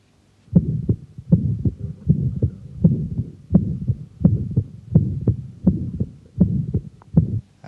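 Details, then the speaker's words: Young man with secundum atrial septal defect, pulmonary area: regular heartbeat near 80/min, ejection systolic murmur, second heart sound split not widened by inspiration; fixed splitting of the second heart sound. "And furthermore, this splitting is not widened by inspiration to it's very fixed with the respiratory cycle. And this is typical fixed splitting of the second heart sound."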